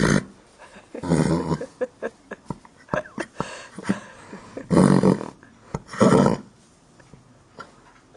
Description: A horse sleeps/ snores in a barn. It wakes up and a woman laughs.